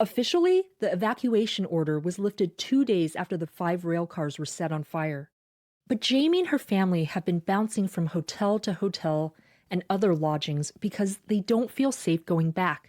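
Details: Adult woman narrating; normal voice.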